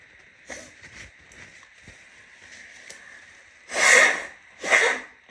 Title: sneezing, sniffles and noseblows